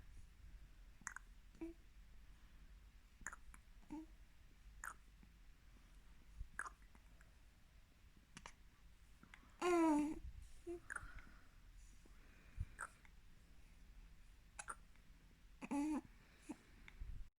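Short, sharp hiccup clicks repeat every second or two, with brief infant vocal sounds and quiet room noise. Infant hiccups.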